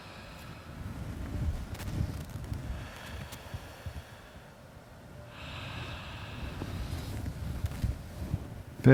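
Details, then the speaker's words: Normal breath sounds during a chest auscultation demonstration; the patient breathes moderately deep through the mouth with the arm lifted to the side, taking big breaths, as listening moves toward the lung apex. "So we'll start have the patient breathe in and out through their mouth moderately deep breaths. You don't want them to breathe very fast or to hyperventilate as they may become uh dizzy and laded. So moderately large breaths in and out through your mouth."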